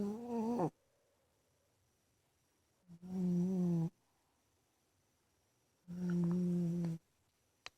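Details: Loud, drawn-out, buzzing snores from a big male cat sleeping in his bedroom, about 20 a minute with silent pauses between; snoring.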